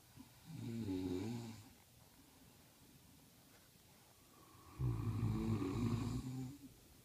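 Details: Two loud, rough rattling snores about four seconds apart with quiet pauses, during sleep; the snorers are described as a pair, one of them a pregnant mother.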